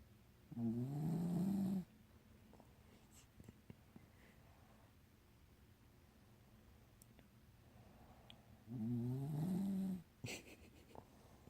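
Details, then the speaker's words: Sleeping female dog snoring while lying with her owner: two low, rumbling snores on breathing in, roughly eight seconds apart, with quiet breathing and faint room noise between. "Are you snoring, bro? Oh my god."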